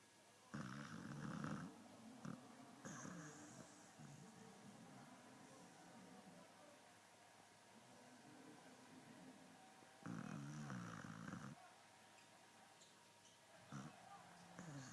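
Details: Snoring in sleep after being worn out at a birthday party: quiet, intermittent rattling snores with soft breathing between, in a quiet room.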